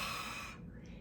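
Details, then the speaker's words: A single open-mouthed, breathy forced exhalation, like fogging a mirror, fading quickly: a huff cough by an adult with bronchiectasis. The adult takes a deep breath and leans slightly forward using the belly muscles, after airway clearance. "There I take a nice deep breath, and then exhale using my belly muscles. I lean forward slightly because I find engaging my abdominal muscles very helpful."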